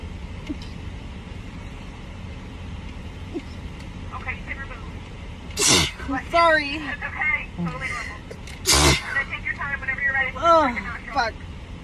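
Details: Girls having a Covid-19 nasal swab test, from a TikTok compilation: two sharp, explosive sneezes a few seconds apart triggered by the swab, with brief vocal sounds and room noise; sneezing.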